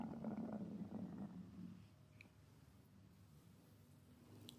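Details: Female: low gurgling rumble fading into quiet bubbling; ordinary stomach growling (borborygmi) from gas and fluid moving through the gut.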